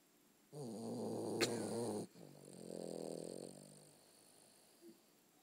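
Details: A loud rattling snore on the in-breath, followed by a softer fluttering out-breath, in a quiet room; snoring.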